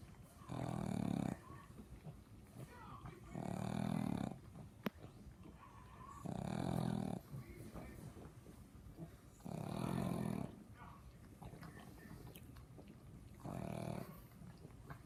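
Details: Pug asleep: five regular, loud, rasping snores, about 20 a minute, with quieter breaths between; snoring in a flat-faced dog.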